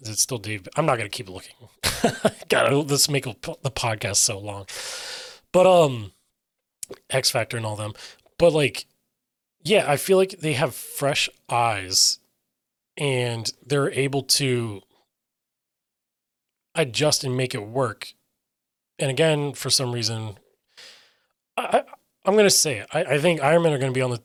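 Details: Aphasia in an adult man who reports difficulty getting words out and sometimes substituting other words.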